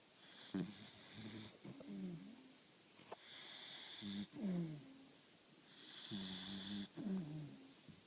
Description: 4 month old puppy,Sweetie, snoring.